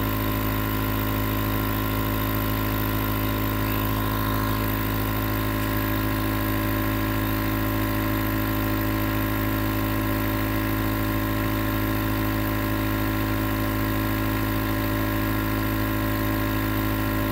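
Steady mechanical hum and buzz of a nebulizer compressor running without a break.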